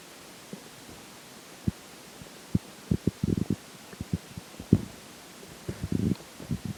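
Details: Irregular low gurgles and rumbling bursts over a steady hiss during digestion after a slice of pizza for breakfast and McDonald's for lunch; stomach growling.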